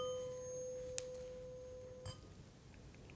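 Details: Steady, pure ringing tone slowly fades, then is stopped with a tap: acted ASMR tuning fork hearing test held to one ear, listener asked to say when the sound can no longer be heard, in a roleplay full-body and cranial nerve exam.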